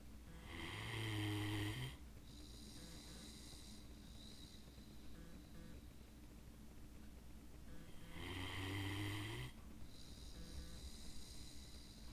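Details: Snoring with drooling during sleep: two loud, rumbling snores about six seconds apart, each lasting over a second, with quiet breathing between them.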